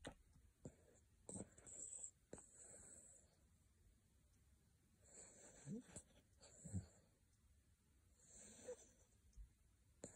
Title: Kleiner Havaneser Bert schnarcht 😂❤️ (laut hören!)